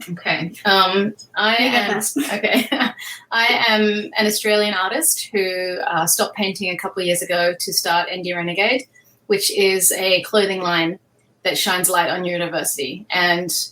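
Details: Adult woman speaking; normal speech.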